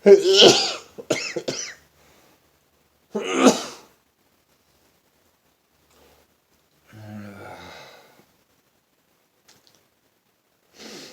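Several sharp, explosive bursts of air close together, each with a quick intake before it, then quiet: sneezing.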